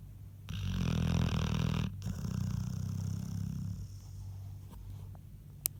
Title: Shadow snoring￼